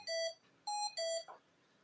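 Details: Hamilton C1 ventilator in neonatal use demonstration; three short electronic beeps at alternating pitches in a quiet room, ventilator alarm.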